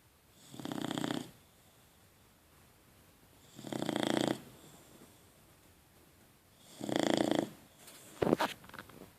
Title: Snoring Boxer "Rocco"